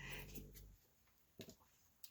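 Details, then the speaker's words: A sleeping Boston Terrier snoring: a low, rumbling snore opens the clip, followed by quiet room sounds and a couple of soft taps. "You can hear my Boston Terrier snoring in the background as well."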